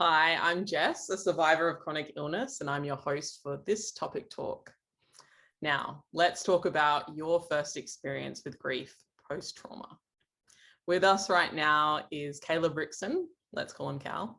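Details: Adult woman speaking; no voice disorder.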